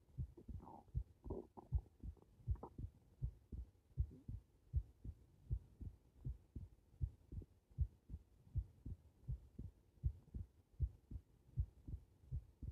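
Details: Heart recorded lying on the back (supine): steady, regular low thumps at about 80 beats a minute, some rustling at the start; heart sounds.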